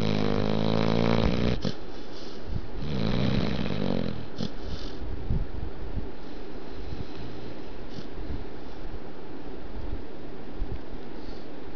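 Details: Pit Bull dog snoring; snoring.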